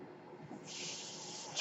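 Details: Steady low hiss swelling into a louder airy rush partway through: an adult man's mechanical ventilator delivering a breath while he records a podcast, faint room noise beneath.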